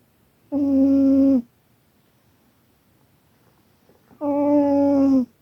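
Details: Two loud, buzzy, tonal snores about four seconds apart with quiet between them, from a cat snoring heavily during a nap.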